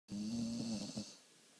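A single low, buzzing, rattling breath lasting about a second, a typical snore.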